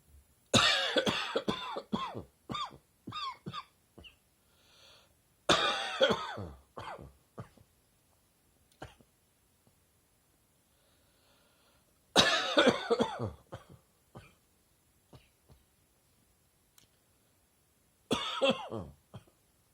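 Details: Adult's summer-morning allergic cough, with airborne particles in warm weather tickling the throat and chest: four bouts of short, dry, hacking coughs with throat clearing.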